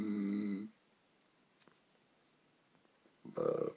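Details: A man fell asleep in the chair mid-haircut and snores loudly: two loud, low, rattling breaths separated by a quiet pause. Snoring.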